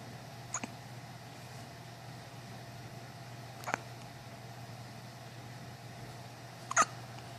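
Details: Three short, sharp infant hiccups about three seconds apart over a steady low room hum; the baby has hiccups at least twice a day.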